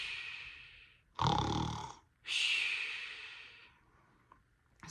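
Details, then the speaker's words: Person imitating snoring to show children how a sleeping bear snores before a storybook reading; imitated snoring. "Have you ever heard someone snore while they're sleeping? It sounds like this."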